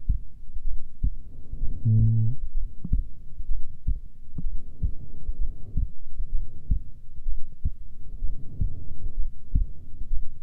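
Regular low thumps of a resting adult heartbeat, about 60 beats a minute, with some low hum behind it.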